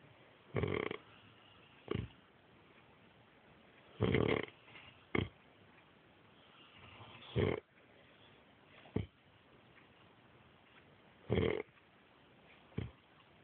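Short snorting snore bursts at irregular intervals, some louder and some softer, against a quiet background.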